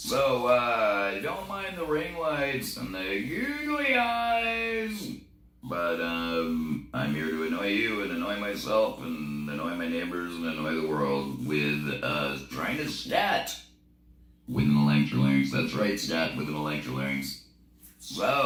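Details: Laryngectomee scatting with an electrolarynx, which needs no breath; electrolarynx speech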